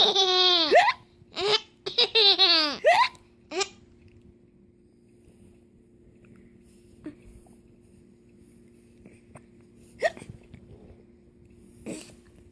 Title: Hiccup giggles